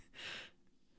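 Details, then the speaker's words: A flat-nosed Boston terrier makes short, harsh snorting breaths drawn in through the nose during one of her usual episodes: reverse sneeze. "Jeez, Chloe. She's got one of her like reverse sneezes and she's going mad."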